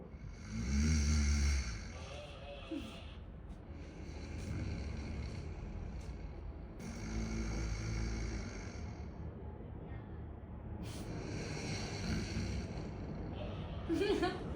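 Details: Sleeping adult man (husband) snoring: low, rumbling snores repeating steadily at about twelve breaths a minute during sleep.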